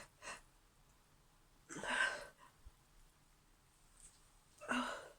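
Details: Two sharp, noisy sneezes, each after a brief intake of breath, in a quiet room, from a female who has an injured back that makes sneezing painful; tickly sneezes.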